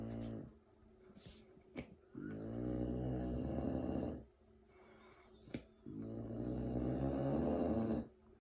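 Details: Two long, loud, rattling snores on breathing in from an adult man, harsh and growling so he sounds angry, separated by quiet breathing; snoring.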